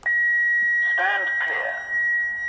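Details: Defibrillator shift/weekly check on test load: steady high-pitched continuous charging tone after selecting charge in shift-check mode, with brief voices in the room; normal defibrillator charging tone before test shock.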